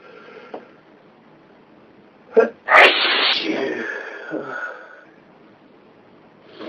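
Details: A quick catch of breath, then one loud explosive sneeze with a trailing voiced sound; a single ordinary sneeze.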